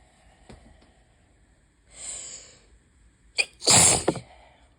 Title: High pollen + open window = lots and lots of sneezes (bad allergy day 1/5)